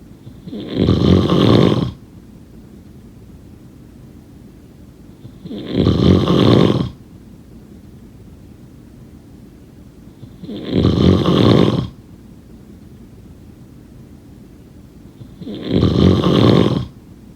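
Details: Snoring: four loud, rough inspiratory snores, each about a second long and five seconds apart (roughly 12 per minute), with quiet between.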